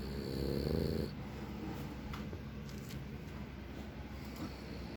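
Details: Frenchton dog (small flat-faced breed) asleep: one loud snorting snore, then quiet rattly breathing; snoring.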